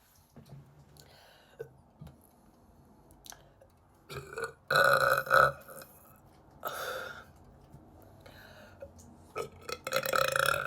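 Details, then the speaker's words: Person burping, possibly bloated or gassy, perhaps after soda: several loud belches in a row, some drawn out, described as gurgly or airy, with quieter swallowing sounds between; repeated burping. "Some of them are like gurgly and like airy. Well, like gurgly or airy. I don't know."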